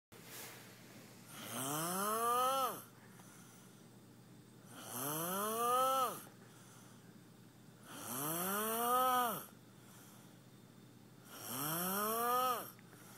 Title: snoring